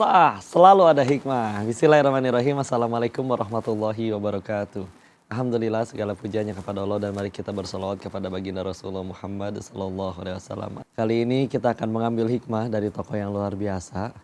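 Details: Adult male speaker; normal speech.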